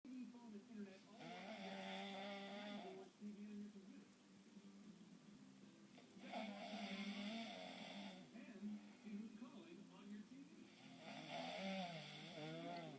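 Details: A weird snore: three loud, rattling snores at about 14 breaths a minute over a steady low hum. Snoring.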